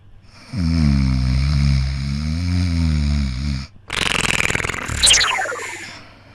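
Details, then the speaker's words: Prank phone call in Telugu: the caller deliberately imitates snoring down the line to irritate a friend who hates snoring. A loud, deep, rattling fake snore lasts a few seconds, then a harsh snorting burst. Simulated snoring. "So ఈరోజు అరవింద్ కి call చేసి only మాట్లాడేది ఏం లేదు ఖాళీ గురక పెట్టి బాగా irritate చేద్దాం కాల్ చేద్దాం"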